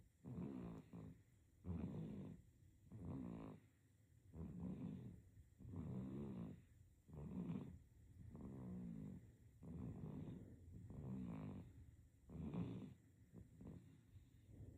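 Regular soft snoring with a fluttering rattle on each breath, about 45 breaths a minute.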